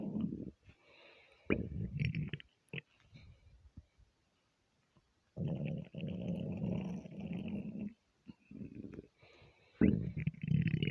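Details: Stomach rumbling (borborygmi) from being half hungry, half gassy after eating too much: long, loud gurgling and growling rumbles with pauses between.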